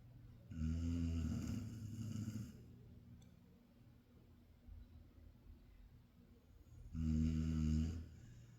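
Two loud, rattling snores on breathing in, separated by a quiet pause of several seconds. Typical snoring.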